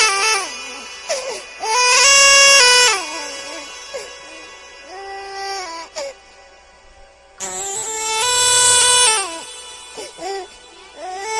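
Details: Infant crying sound effect: two loud, high-pitched wailing cry bursts with quieter whimpers between, over faint music.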